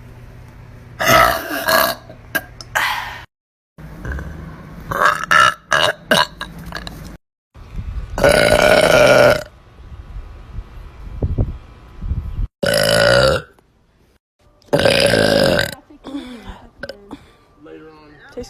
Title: New Youtube Short- Girl Burp - Burp Compilation - Part 14